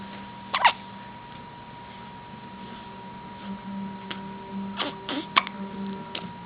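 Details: Several sudden short catches of breath with a brief burst of sound, spaced irregularly over a steady room hum; hiccups in a child.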